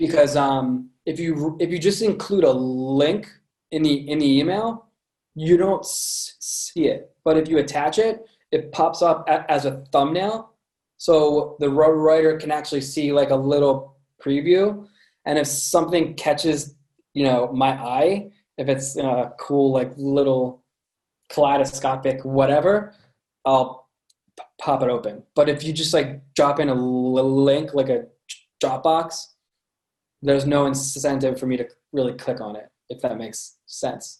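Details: Adult man with a lifelong stutter present since birth, with repetitions in this stretch; stuttering.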